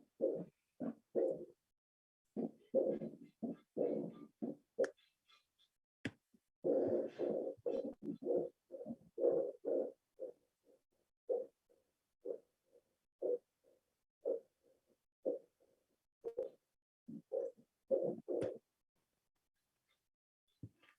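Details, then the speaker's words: Aortic regurgitation murmur: early-to-mid diastolic decrescendo murmur from the aortic focus radiating in a sash-like band pattern, teaching example. "En el examen físico que van a auscultar soplo protomesodiastólico en decreciendo irradiado en banda presidencial."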